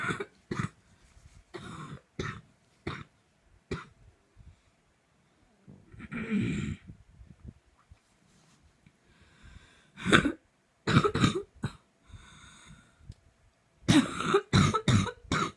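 Repeated short coughs in clusters with throat clearing and gasping breaths between, about a dozen bursts; a prolonged coughing fit.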